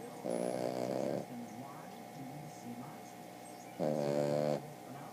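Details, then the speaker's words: Two drawn-out, buzzing snoring breaths with a quieter gap between, over steady background hum; snoring. "Who's snoring like that? Who's snoring like that?"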